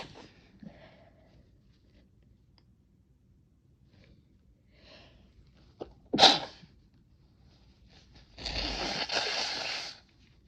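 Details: Faint breathy sounds, then a sharp muffled burst and longer hissing: deliberately stifled sneeze induced by chhinkni (nasal irritant), held back as roommate arrives, mouth and nose partly closed.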